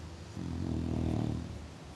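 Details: Sleeping English bulldog snoring: one low, rumbling snore on a breath; typical flat-faced dog snoring.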